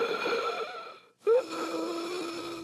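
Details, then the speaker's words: Asthma wheezing: high, musical whistling on both breaths, broken by a short pause, as air squeezes through narrowed airways. "that's actually the sound of air squeezing through narrowed passageways"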